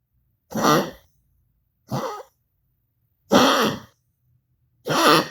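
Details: Four separate harsh, hacking cough bursts from a dog, spaced over about five seconds in a quiet room.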